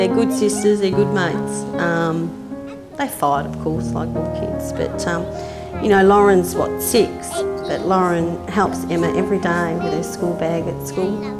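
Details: Adult woman speaking; Ordinary speech.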